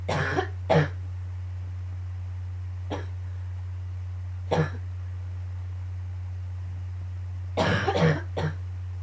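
About seven harsh coughs in clusters over a steady low background hum; a morning coughing fit.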